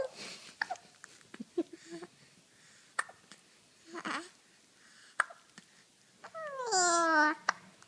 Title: Baby Hiccups and Smiles